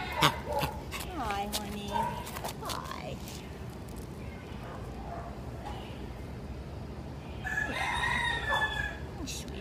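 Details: 4-month-old dachshund/miniature pinscher mix shelter puppy with kennel cough: harsh, honking, goose-like coughing bursts.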